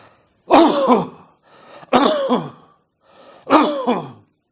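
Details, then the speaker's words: Simulated upper airway cough: three single, loud, booming coughs, each after a deep breath, as when the irritant is in the pharynx or larynx; typical of laryngitis, pharyngitis or tracheitis. "if the irritant focuses in the pharynx or is in the larynx which is the upper portion of the respiratory tract the cough is very classical the patient takes a deep breath and gives one single big boom of cough"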